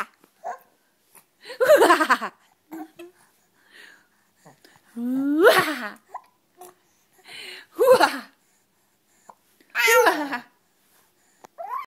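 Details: Young boy being tickled laughs in bursts, with brief hiccup sounds between the laughs; hiccups during laughter.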